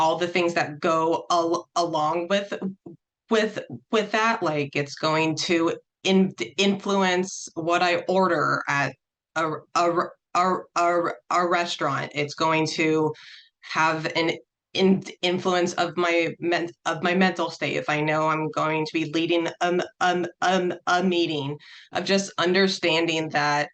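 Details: Adult who stutters, real, speaking as a panelist sharing personal experience in a National Stuttering Association webinar on dating and stuttering: stuttering.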